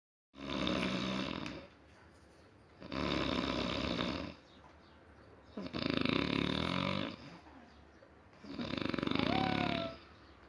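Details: Four loud, rough snoring breaths in a regular rhythm, about 23 breaths a minute, with quiet pauses between, in deep sleep; snoring.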